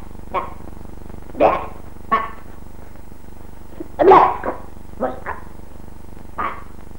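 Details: Generalized tic (Tourette syndrome) with hyperkinesis of the facial and speech muscles causing pronounced speech disorders, heard under background music; vocal tics (Tourette syndrome).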